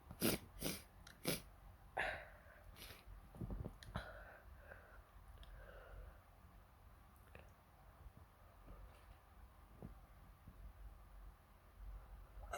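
A quick run of sharp nasal bursts, then quieter sniffs and breathing in a small room; repeated sneezing.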